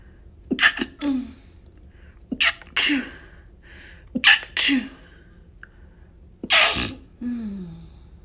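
Four sneezes, some held back and some wet, each with a catch of breath before it and a trailing sound after it.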